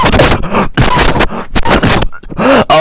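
A run of loud, harsh, partly voiced bursts with short gaps between them, consistent with an adult coughing fit.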